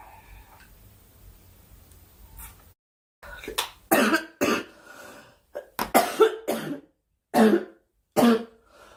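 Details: Young woman during a live stream: a run of about eight short, sharp coughs and throat-clearing bursts in a small room.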